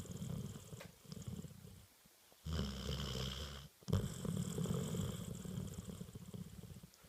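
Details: Low, rattling, fluttery breathing noise repeating with brief pauses between breaths from a napping spaniel puppy: ordinary snoring.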